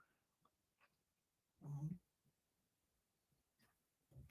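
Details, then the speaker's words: Sleeping dog snoring loudly in a quiet room during a live stream: low rumbling snore rising in one loud burst among fainter breathing sounds. "She is snoring so loud. Can you guys hear it?"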